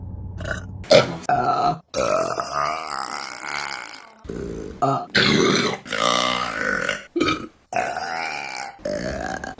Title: Burping Compilation May #1 | RBC